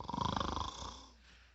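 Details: Father asleep and snoring, filmed by family trying to wake him: one short rattling snore fading into quiet breathing; ordinary snoring.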